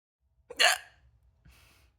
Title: hiccups part 3 #hiccup #hiccups #hiccuphaddock